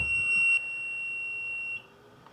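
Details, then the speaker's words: 5 L home oxygen concentrator just plugged in and switched on: one sustained high electronic beep of about 1.5 seconds, then quiet, as the green lights come on; normal device start-up beep. "most concentrators when you first turn it on will give you that beep and all of the lights up here will light up"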